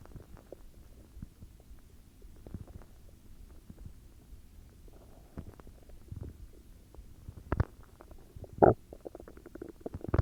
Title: Stomach growls UwU